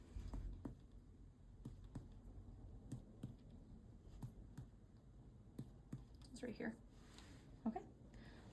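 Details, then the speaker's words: Abdominal percussion during a head-to-toe nursing assessment: soft finger taps give a dull, flat note at the liver border after tympany elsewhere; a normal dull percussion note over the liver. "And now we're going to until we find the border of the liver. Um, when we find the border of the liver, it's going to be dull sounding."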